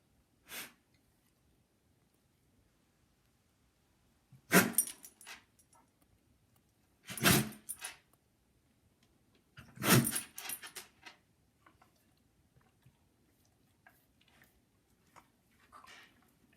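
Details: A dog sneezes repeatedly, about four sharp sneezes followed by snorting; idiopathic sneezing in a dog.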